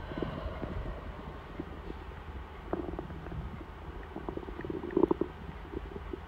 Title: my hungry tummy rumbling before dinner